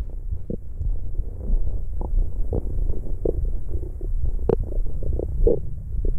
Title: ASMR This is the sound you were looking Stomach growling 💤